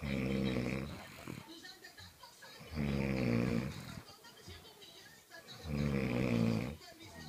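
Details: Two people snoring: loud, rough, vibrating snores recurring about every three seconds, with noisy breaths between them; typical heavy snoring.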